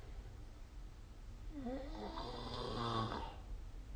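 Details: A single low, rough snore rising out of a quiet, hissy room, recorded during sleep; snoring.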